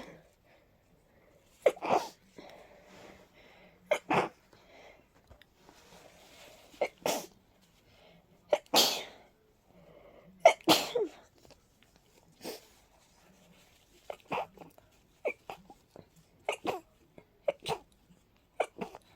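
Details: About fifteen sneezes, several spaced apart, then a rapid run of short sneezes in close succession; a sneezing fit in a person with a cold and a stuffy, sensitive nose.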